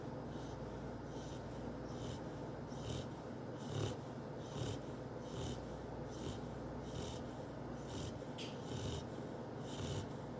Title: Cocoa snoring